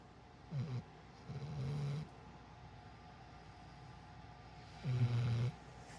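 Soft, low rumbling snores from a sleeping animal, three bursts with quiet pauses between.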